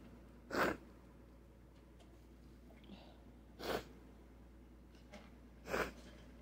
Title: So many Sneezes! 🤧